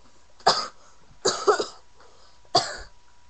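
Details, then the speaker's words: Girl vlogging while sick: three separate coughs in a quiet room, one sounding doubled; a cold-type cough. "as you can see from the rants of cough I am sick and that is why I've been making any videos lately"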